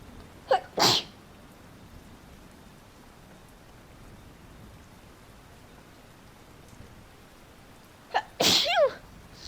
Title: POV: I caught a lot of rain, now I can't stop sneezing 🤧🤧 (F)